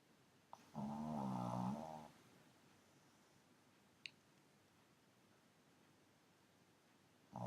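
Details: A pug snoring on the sofa: one loud, rough, vibrating snore lasting over a second, then quiet room noise and the start of another.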